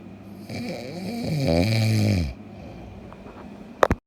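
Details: Heavy snore: one loud, rattling, buzzing inward breath lasting about two seconds, then quiet.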